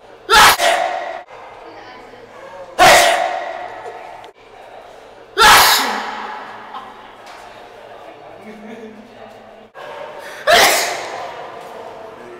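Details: Sneezing: four sharp, explosive sneezes, each with a quick intake of breath just before, spaced a few seconds apart in a quiet room.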